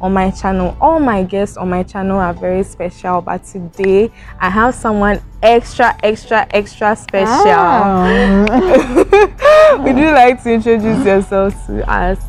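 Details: Adult woman; Normal speech.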